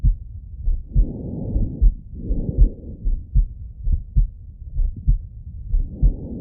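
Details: Male heartbeat auscultated through a stethoscope: steady low thumps at about 70 beats a minute with soft breathing rushes in between; normal heart sounds.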